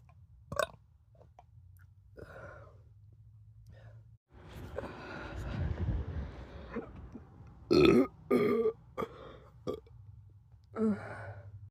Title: femboy doesn't just brap but he burps so hard he's about to puke?~ for my lil burp lovas #burp